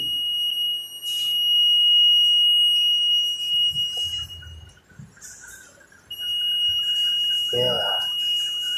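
Steady high-pitched electronic alarm tone with brief gaps, over faint room noise and voices; a portable ventilator alarm sounding.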